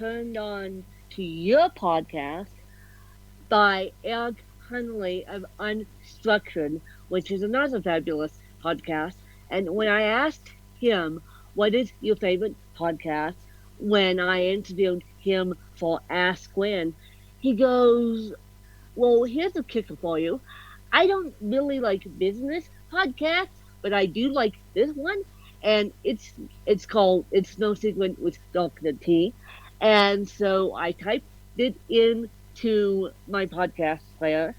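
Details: Adult woman with cerebral palsy, officially diagnosed at 31 as ataxic cerebral palsy (described as a mixed type); slight speech impediment; ataxic dysarthria (cerebral palsy).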